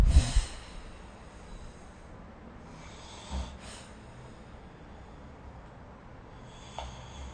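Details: Snoring during sleep recorded with the SnoreLab smartphone app.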